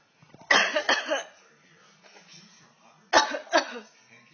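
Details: A baby copies his mother's cough: two pairs of short, deliberate coughs, an imitation rather than a cough from illness.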